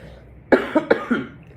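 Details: Coughing during a speech to a small audience: a short run of about four quick coughs over a faint room hum.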